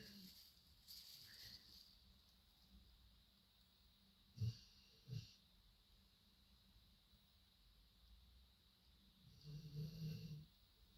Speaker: If you can hear that, the dog's snoring next to me.